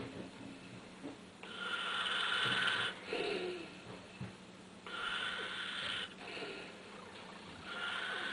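Rough, rattling breaths recur through light room noise, consistent with snoring.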